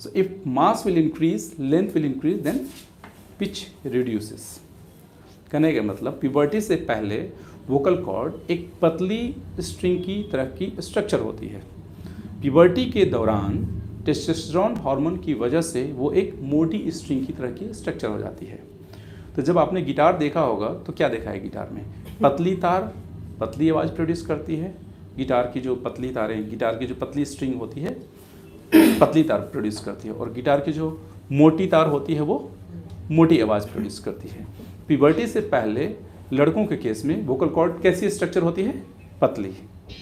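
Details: Adult male speaker; typical adult male voice.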